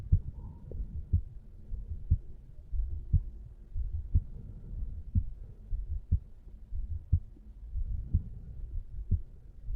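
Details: Heart sounds at the mitral (bicuspid) area of a 35-year-old male relaxing on a couch: a steady, regular heartbeat at about 60 beats a minute with a low background rumble.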